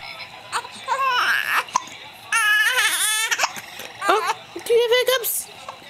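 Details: Infant: loud, wavering crying in several bursts with brief pauses; a typical baby cry.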